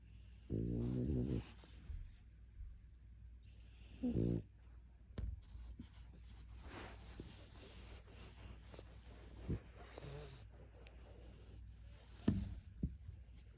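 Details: Two low, rumbling snores with quiet room noise and soft clicks between, from a French Bulldog asleep in a closet: snoring.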